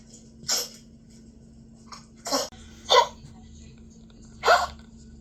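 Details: Dog coughing, recorded in the daytime and then at night; four short, harsh bursts over about five seconds, irregularly spaced, with a faint background hum.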